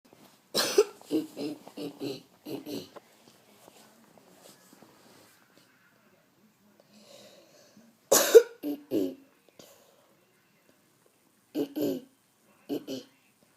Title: Throat clearing